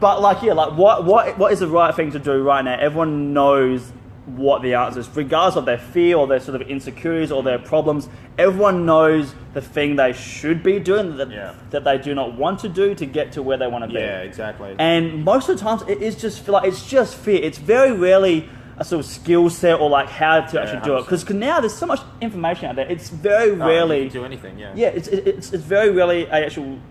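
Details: Stuttering in an adult man who left school at about 16 because of his speech and still has blocks when speaking.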